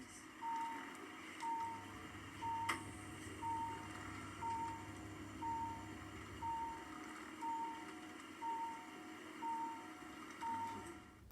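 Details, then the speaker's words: Hospital bedside monitor at night after scoliosis surgery, during overnight observations with blood pressure checks: regular double-toned electronic beeps about once a second, eleven in all, over faint room hum. "when they come in and they're doing all that and everything's beeping just it does wake you up"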